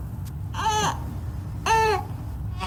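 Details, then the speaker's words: Infant cry in short, choppy, broken bursts, explained as a baby wanting to burp after feeding: stomach feels full but the burp cannot come out. "nah inias akan bayi itu ingin sendawa ba habis makan kalau misal habis minum ya Bu ya dia rasanya perutnya tuh Ee kenyang maka dia akan menjadi seperti ingin sendawa tapi enggak bisa keluar makanya kita harus melakukan sendawa yang benar"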